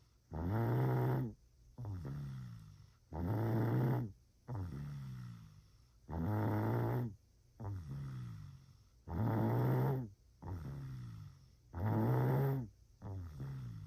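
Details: Imitated snoring for a comedy clip: regular loud rattling in-breaths alternating with softer out-breaths, about 10 breath cycles a minute.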